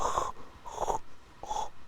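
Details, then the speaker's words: Three short, harsh snorting snore breaths in quick succession as snoring resumes after a pause, shown as an example of obstructive sleep apnea with chest or abdominal effort against resistance. "pero sí podría decir que yo debería empezar a estudiar una apnea obstructiva del sueño por ejemplo el ronquido y en algún momento hay una pausa"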